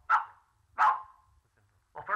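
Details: Adult man with severe Tourette syndrome, answering questions at a press conference, gives a sudden, loud, bark-like yelp before ordinary speech resumes; vocal tic.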